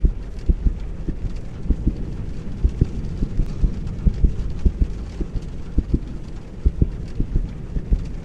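Low, muffled thumps in repeating pairs, like a heartbeat heard through a stethoscope against a steady rumble.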